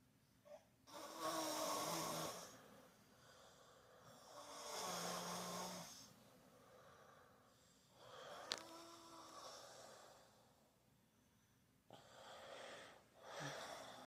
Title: HELP!! 😵‍💫😰My 8 year old Daughter Snore's like a Bear!!! #snoring #parenting #mommylife